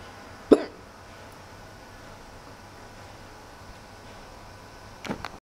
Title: bored,hiccups